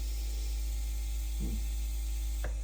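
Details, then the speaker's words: AIROS 8 eight-chamber sequential pneumatic compression pump inflating leg sleeves at a set pressure of 40 mmHg for leg circulatory problems: steady low motor hum with soft mechanical clicks, felt as a gentle massage. "It's just kind of getting inflated. It's feeling, it's relaxing, you know, it's feeling like a very gentle massage."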